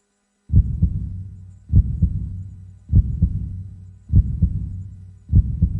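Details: Normal heartbeat: slow, steady, with clear paired lub-dub thumps at about 50 beats a minute.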